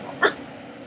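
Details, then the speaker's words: A single abrupt, clipped hiccup against steady background noise, from someone singing Monty Python's universe song during a record attempt of ten hiccups while singing; hiccup. "try again most hiccups during the singing of Monty Python"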